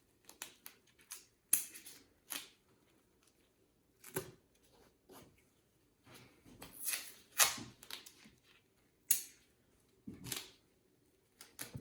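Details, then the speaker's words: Short rasping tears and crinkles in a quiet room: medical tape torn and pressed, about three strips each side, securing a wound dressing in a nursing skills validation. "but again I'm just going to go ahead and tape this in place try to use about three on each side secure"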